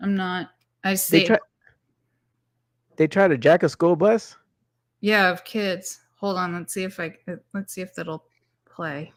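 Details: Adult speaker; normal speech.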